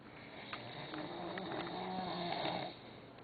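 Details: Sleeping man snoring "like a horse": continuous rough, rattling breathing noise with background room noise; snoring.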